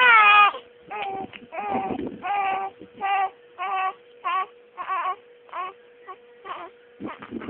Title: The crying baby.3gp